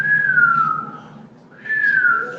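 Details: Two high, musical whistling sounds with falling pitch separated by a pause: wheezes from narrowed airways, played in a teaching class on tuberculosis as a lung sound such a patient may present.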